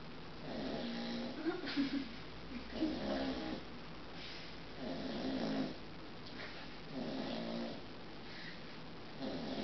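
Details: Soft, gentle, steady snores about 12 a minute from a 7-month-old American Bulldog puppy sleeping after an energetic walk; light snoring during sleep.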